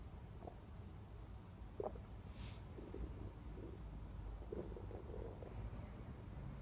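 Low, continuous rumbling with scattered gurgles and bubbling squeaks, recorded close to the belly: ordinary stomach growling, normal bowel sounds (borborygmi).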